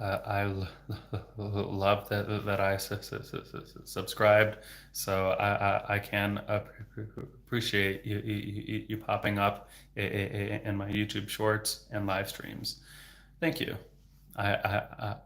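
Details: Adult man who stutters, onset in third grade (about age 8–9) with speech therapy soon after, now a speech-language pathologist; repetitions of sounds, words and phrases with fillers; stuttering.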